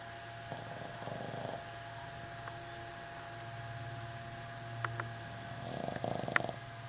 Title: Henry the Boston snoring